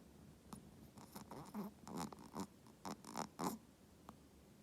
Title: Dog snoring